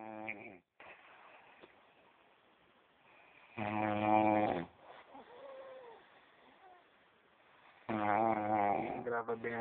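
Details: A sleeping person snoring in Mauá: loud rattling snores on each inhalation, about 14 a minute, with quieter breathing between; ordinary snoring.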